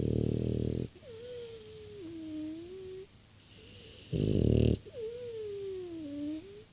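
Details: 6-year-old French bulldog sleeping: loud rough snorting inhalations alternating with whistling, squeaky exhalations; snoring.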